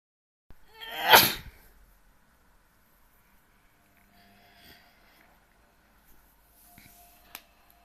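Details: A dog sneezing again: a single sharp, hissy sneeze followed by quiet with faint sniffling and small movements; the dog was moody about being filmed.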